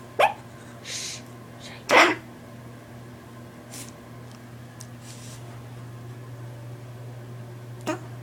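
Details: Baby's cough.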